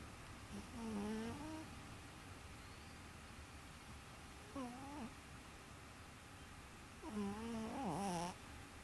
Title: snoring cat. turn up volume, half way thru it gets good!